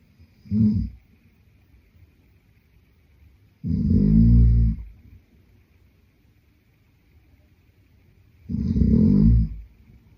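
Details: Adult man (boyfriend) snoring in sleep: deep, rumbling snores with each breath, about 13 a minute, separated by quiet pauses.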